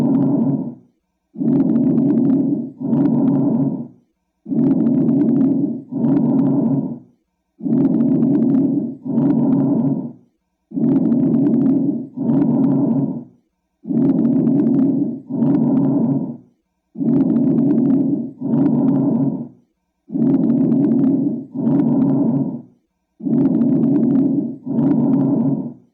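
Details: Bronchial breath sounds: loud, hollow breathing with a clear pause between inspiration and expiration, at about 19 breaths a minute.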